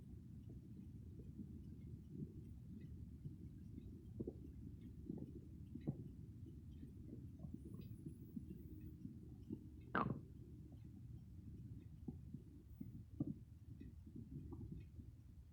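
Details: Close-up recording of stomach growls (borborygmi) without a microphone: low rumbling with scattered gurgles and squeaks from the belly.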